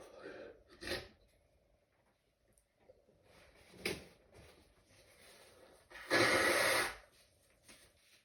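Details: Stifled sneezing fit at work, in a bathroom: several muffled, held-back sneezes with short hissing bursts of air and sharp intakes of breath.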